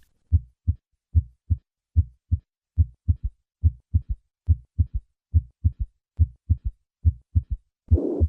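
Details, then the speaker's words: Simulated heart at about 71 a minute: normal heart sounds, then an added third heart sound, then the mitral regurgitation murmur; S3 may signal large regurgitant volume or left ventricular dysfunction. "A third heart sound may occur with mitro regurgitation and can be a sign of a large regurgitant volume or left ventricular dysfunction. I will start with normal heart sounds and then add the third heart sound and then the murmur."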